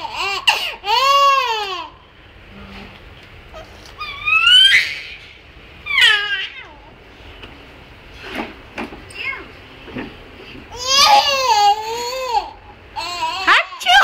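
Short, high-pitched infant cries and whimpers with rising and falling pitch, in a quiet room.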